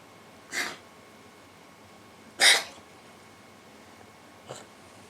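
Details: Coughing in a 2-year-old female cat during a feline asthma attack, not a hairball: three short, dry, hissing cough bursts about two seconds apart.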